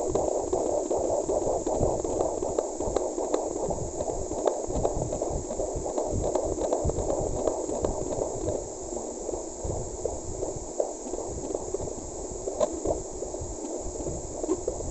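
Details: Fetal heartbeat at 6 months of pregnancy, mother with PCOS, earlier faint now strong: rapid galloping whoosh-thump over Doppler hiss, about 155–160 beats a minute.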